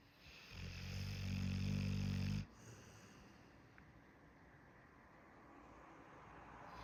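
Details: Pitbull dog snoring while sleeping: one deep, vibrating rumbling snore lasting about two seconds, then quiet breathing.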